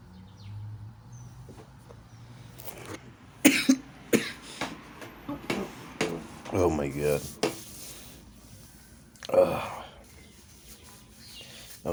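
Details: A run of harsh, forceful coughs with throat clearing and strained breaths over faint room noise: a coughing fit after smoking kief.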